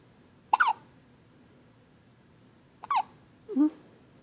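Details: Jackson on his first morning home after a good night: three sudden, brief gulping hiccups a few seconds apart.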